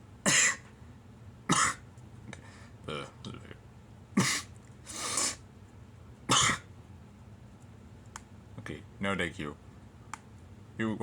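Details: Acted hiccups in a Charlie Chaplin film scene: repeated short throaty bursts with brief voiced sounds between them.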